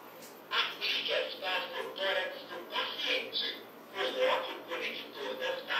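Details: Automated external defibrillator voice prompts during a first-aid CPR training demonstration, after pads are placed right infraclavicular and left inframammary, instructing to connect pads, not touch the patient and analyze heart rhythm.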